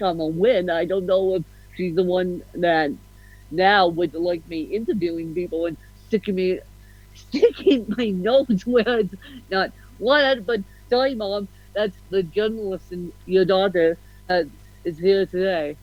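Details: Adult woman with cerebral palsy, officially diagnosed at 31 as ataxic (ataxic-spastic, 'mixed') cerebral palsy, with a slight speech impediment. Dysarthria (ataxic cerebral palsy).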